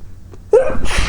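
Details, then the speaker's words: Sneeze deliberately induced by tickling the nose with basil plant silk, caught in a striped grey handkerchief: brief intake, then one forceful sneeze. "and I'm trying to catch the sneezes in a big gray hanky with some stripes on"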